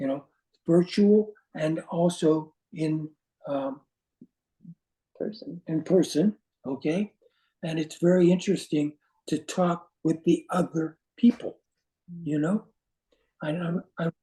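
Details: Aphasia after stroke in an adult man, with words not flowing and difficulty with instant word choice.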